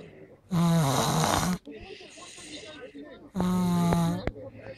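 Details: Two loud, buzzing, voiced snores on breathing in, with quieter breathing between them; snoring.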